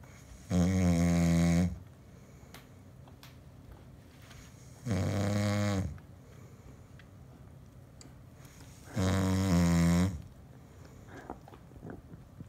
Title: Snoring Asmr 😌🌙😌🌙